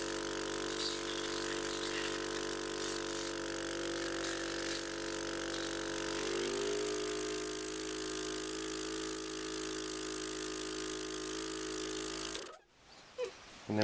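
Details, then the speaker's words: Steady whir and hiss of a suction machine, with a pitch shift partway through, then switching off. A 5-year-old girl with spinal muscular atrophy Type 1 is suctioned orally between Cough Assist sets during her daily respiratory treatment; she uses BiPAP all day. "We suction orally, and then we do another set. You ready? We suction orally again."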